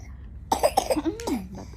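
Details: Toddler who was feeling unwell chokes on drinking water, then gives a quick run of four or five short, wet coughs and a brief voiced whimper.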